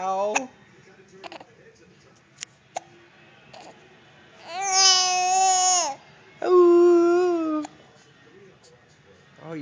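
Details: An infant with hiccups gives short fussy sounds and two drawn-out wailing cries, with brief sharp catches between them, in a quiet room.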